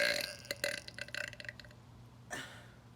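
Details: Deliberate burping in a burp challenge, done after swallowing air in sets of 5, 10 or 20 pumps: a drawn-out, croaking burp with a rattling tail, then a brief second burp. Ordinary belching.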